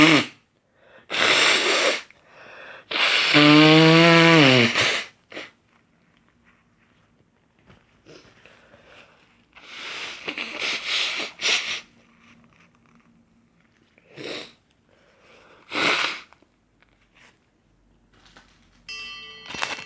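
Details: Male with pollen allergy: a loud sneeze with a drawn-out voiced cry, then several sharp bursts of nose blowing and honking; sneezing followed by nose blowing.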